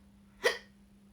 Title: Twitch streamer with hiccups